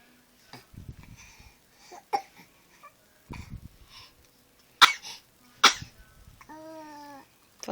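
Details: Baby boy: two sharp, explosive sneezes followed by a brief whimpering cry, recorded on an Android phone; sneeze.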